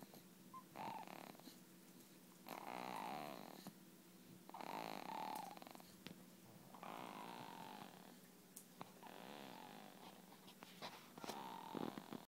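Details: A sleeping animal gives repeated loud, rough, fluttering snores on each breath in, about every two seconds and slightly irregular. Snoring.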